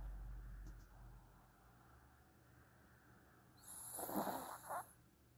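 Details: Quiet room, then one loud, rough snoring breath ending in a snort, during a nap; snoring.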